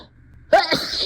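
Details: Acted, simulated giant sneeze in a staged museum scenario, set off by perfume; after a short silence, a sharp intake and a forceful loud burst of breath, then trailing voice: sneeze.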